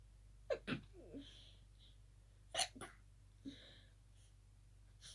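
Quiet, muffled bursts with brief sharp intakes of breath between them; a run of held-back sneezes.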